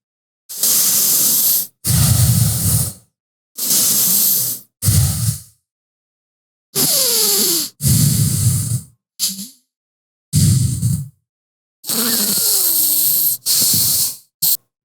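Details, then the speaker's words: A person checks their own deviated septum with forceful, hissing nasal breaths through one nostril at a time, some with a faint whistle, comparing airflow from each side. Nasal airflow check with deviated septum. "wondering what was that all about i was checking my deviated septum and the airflow from each nostril"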